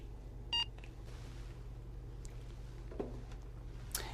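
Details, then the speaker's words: Single short, high electronic beep of a barcode scanner reading a patient's ID before medication administration, over quiet room hum. "thank you Miss lemon I'm just going to scan the barcode on your ID"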